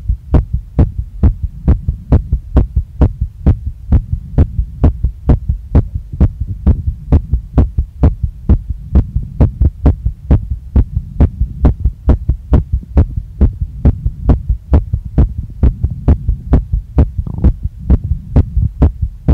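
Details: Female's heart recorded right after a workout, pounding so strongly she felt it in her chest, neck, face and stomach and saw her chest move with each beat; strong, regular pounding beats about 130 a minute with a low hum; rapid heartbeat after exercise.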